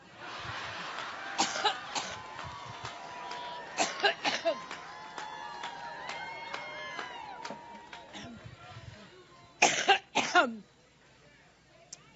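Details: Coughing fit in an adult woman speaking at a rally, who jokes of being allergic: repeated dry coughs and throat clearing over crowd noise and applause.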